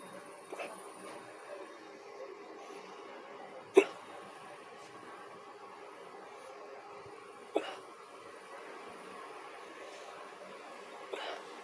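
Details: Hiccups while walking back to the hotel after a beach day: sharp, brief hiccup sounds roughly every four seconds against quiet room noise, three clear ones.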